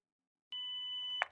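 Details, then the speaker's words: Zoll AED Plus demonstration: after pad placement on the bare chest and heart-rhythm analysis, a steady electronic warning tone of about 0.7 seconds signals an imminent shock, followed by shock delivered and CPR prompts. "Don't touch the person while the AED is analyzing the heart. If a shock is needed, be sure that no one is touching the person."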